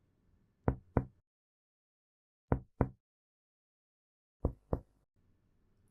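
Three pairs of hollow finger-percussion taps over the back of the chest, moving downward, giving a normal resonant note over lung.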